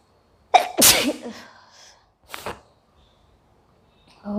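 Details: Woman sneezing in a bay leaf (tej patta) sneezing challenge: one forceful sneeze after a sharp intake of breath, then a smaller sneeze-like burst, triggered by the irritant.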